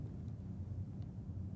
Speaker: then have the patients say e when e sounds like a and has a nasal quality ego phony is present